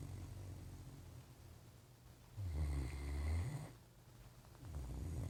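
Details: Great Dane sleeping on a couch, snoring: low, rumbling snores about one every two seconds against quiet room noise.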